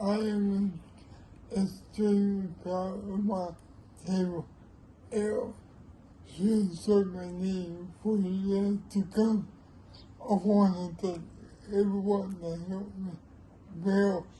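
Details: Older man with cerebral palsy; dysarthric speech due to cerebral palsy.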